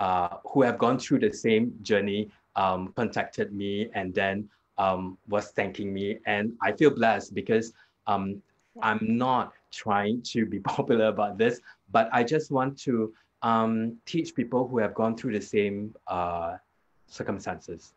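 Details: Adult man with aphasia after a hemorrhagic stroke 2 years earlier; severe at onset, unable to talk in the first week, improved with hospital speech therapy; still has trouble completing sentences and retrieving basic words; aphasia with word-finding difficulty.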